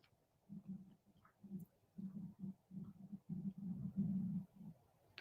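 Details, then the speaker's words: Adult's stomach rumbling from hunger while anticipating a Chinese meal, recorded during a live chat: low gurgling rumbles in irregular bursts over several seconds; borborygmi. "you hear that? That's my tummy rumbling. It's the thought of that beautiful Chinese meal waiting for me."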